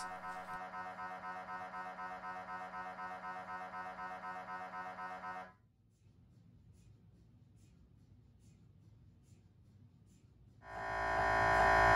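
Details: Rhythmic, buzzing tonal pulses, then a quieter stretch of faint ticking, then a loud hum begins: axial T1 spin echo sequence during a brain MRI on a GE Signa Excite 1.5T scanner.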